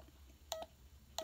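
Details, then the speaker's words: Check Me Pro pulse oximeter sensor on index finger, live recording; result heart rate 91, oxygen 99; pulse oximeter pulse tones. "screen for your plus oxygen level and if you hit the play button or the record button it's going to start recording and analyzing your results"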